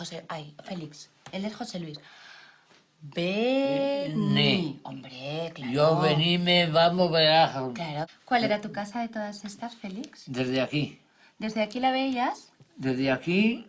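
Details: Adult speaker (therapist) in conversation; normal conversational speech.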